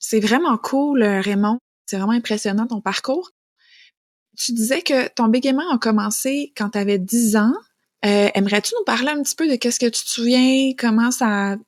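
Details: Adult woman speaking French; no speech disorder.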